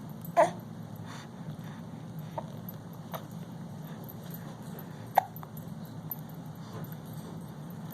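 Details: An almost 5-month-old baby hiccuping while sitting in a Bumbo seat: two sharp little catches several seconds apart with faint softer ones between, over steady background hum.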